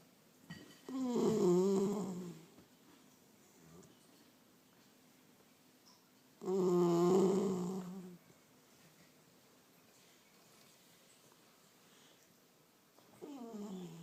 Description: My 12 week old labrador has just one bad habit. He is snoring like a dump truck. Cute but loud.